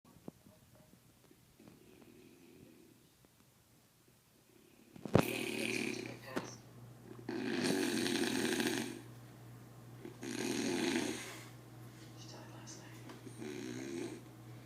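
Loud, rattling snores on each breath in a quiet room, with softer breaths in between; ordinary adult snoring.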